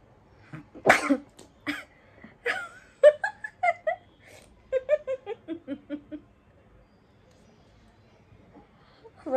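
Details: Woman sneezing after taking sneezing powder while holding water in her mouth, a sneezing challenge: sharp explosive sneeze then smaller bursts and short voiced sounds in a quiet room; induced sneezing.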